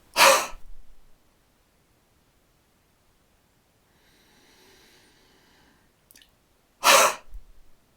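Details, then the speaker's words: Physio demonstrating the active cycle of breathing technique (ACBT): after relaxed breathing control, two huffs (forced expiratory technique), long breath in, wide open mouth, forceful breathy exhalations from the back of the throat to move secretions, separated by a quiet breath in. "we then perform two huffs or forced expiratory techniques long breath in wide open mouth and imagine you are steaming up your glasses with a breath right from the back of the throat"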